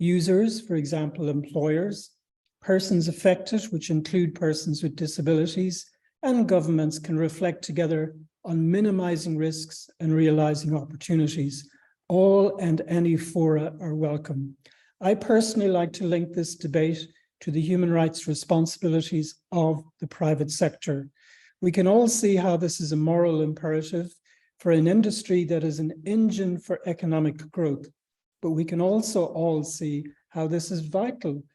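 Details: Adult speaker; normal speech.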